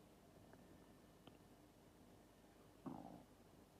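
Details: Empty stomach after about 13 hours without food (breakfast eaten, lunch skipped): quiet background, then a brief low gurgling rumble near the end; normal stomach growling.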